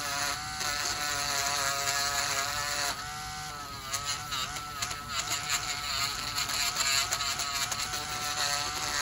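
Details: Male dialysis patient with high blood pressure, severe suspected fungal toenail infection, samples sent to lab: high whirring podiatry drill with shifting pitch and gritty grinding as the burr thins thickened toenails.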